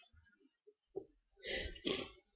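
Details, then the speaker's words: Person sneezing: brief catching breaths lead into a loud, hissing double-burst sneeze. "oh goodness sneeze that's me"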